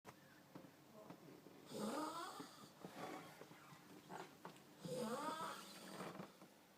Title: Snoring... I think!